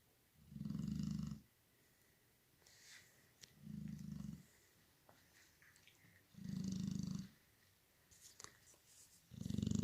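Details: Sleeping female snoring: low, rumbling snores on each in-breath, about four in ten seconds, with quiet gaps between.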